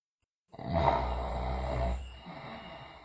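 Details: Sleeping girl snoring loudly, also teeth grinding and delirious: a single loud, low, rumbling, rattling breath trailing off softer; snoring.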